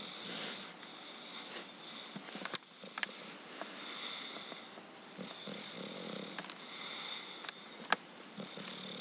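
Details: English Bulldog snoring while sleeping: steady, hissing, whistling snores with each breath, roughly five cycles in nine seconds, plus a few clicks.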